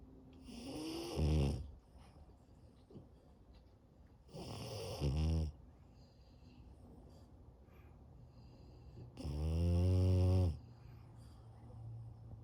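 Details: A French Bulldog puppy on an afternoon nap gives three loud, low, rattling snores at slow, regular intervals; loud snoring.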